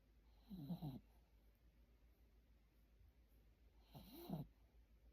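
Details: Two soft, rough snoring breaths about three seconds apart from a sleeping dog, with quiet pauses between.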